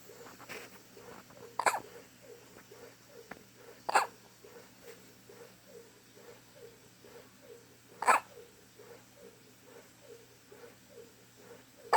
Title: Cutest Hiccups Ever!